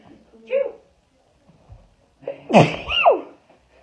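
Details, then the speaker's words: Girl doing a Covid-19 nasal swab test: reflex sneezing, a small sneeze then a louder double burst with voiced catches. "Not even lying, when I do the nose, I usually sneeze at least 10 times minimum. I only sneeze once."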